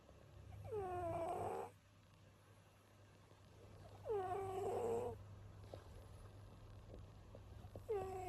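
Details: A cat snoring very loudly.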